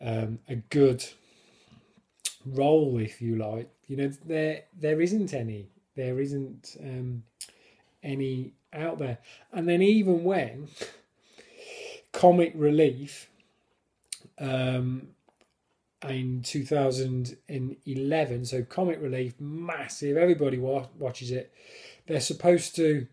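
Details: Stammering in an adult man who controls it with a fluency technique learned on a course and who regards it as a disability.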